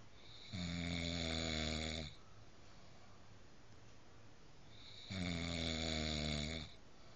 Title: Now this is Snoring lol